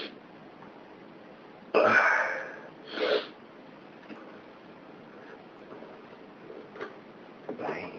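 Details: Two abrupt, breathy bursts a second apart, fitting sneezes, against quiet room noise with a few faint clicks.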